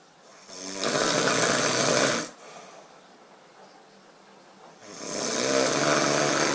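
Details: An adult male sleeping: two long, harsh, rasping snores on the in-breath with a quiet pause between; loud snoring.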